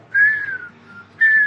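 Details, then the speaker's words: A pulmonologist blows a high whistling tone through narrowed lips, imitating the chest wheeze of inflamed, narrowed bronchi in asthma: wheeze (imitated). "o chiado de peito que muitas vezes as pessoas têm"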